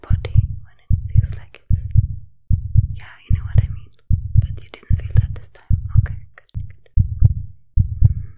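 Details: Steady, regular heartbeat at about 75 beats a minute with soft whispering over it, in a simulated ASMR role-play heart exam of a star athlete; a normal rhythm.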